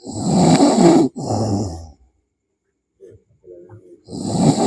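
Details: Person snoring while asleep: loud, harsh, rattling snores with a quiet gap between them, with background music.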